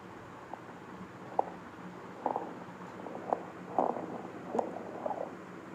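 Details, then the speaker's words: Quiet, intermittent rough snoring-like breath noises: stertor, an adventitious breath sound from partial upper airway obstruction. "तो ये sound आपका straighter है।"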